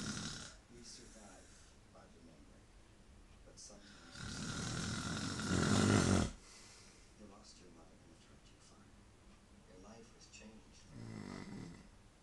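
A loud, rough, rattling snore on a breath, with quieter breathing and faint talk in the room; ordinary snoring.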